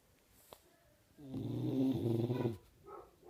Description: My dog Rocko snoring.